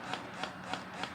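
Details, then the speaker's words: Wearable electric breast pump demonstrated by a woman 35 weeks pregnant, running in mode 1, the fast mode: soft rhythmic rubbing pulses about 200 per minute, described as quiet; breast pump running. "You hold the on button and it comes right on. It's good noise wise. Say if baby was sleeping and I wanted to start it up."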